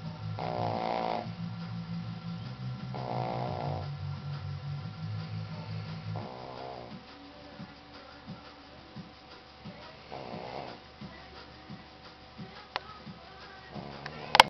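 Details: 11-year-old female Shih Tzu: rumbling, buzzing snores that come and go with breathing, and soft snorts in between: snoring.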